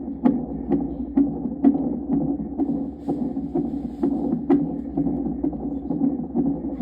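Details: Fetal heartbeat monitored on Doppler over the pregnant mother's abdomen: fast, regular whooshing galloping beats, about 130 a minute, over a steady hum; normal fetal heartbeat.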